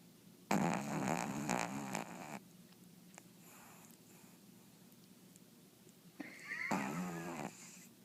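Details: Sleeping pug with loud rattling, snorting breaths, two clear snores with quieter breathing between; loud snoring.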